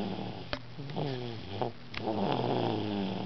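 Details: Snoring in a sleeping 2-year-old girl: repeated low, fluttering, buzzing, rattly breathing noises in a quiet room.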